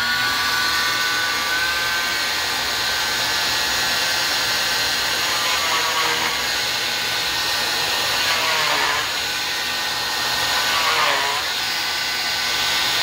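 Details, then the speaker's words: Oscillating cast saw cutting a molded fiberglass cast, not on a live patient, in a training demonstration: steady high-pitched whine, pitch dipping briefly as the blade bites. "so here we go here comes the noise so let's do let's do this portion first and when I get to here I'm going to pause"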